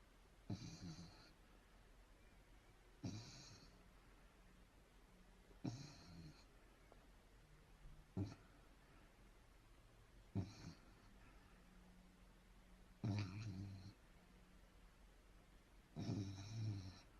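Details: German Shepherd puppy snoring while asleep: irregular snorting snores, about 20 per minute, each a low rattling breath with a soft whistling hiss.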